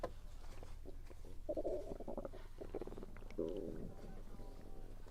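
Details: Stomach rumbling while eating, which the person links to low atmospheric pressure: low gurgling and rumbling with chewing noises over a steady low hum; ordinary bowel sounds (borborygmi) during a meal.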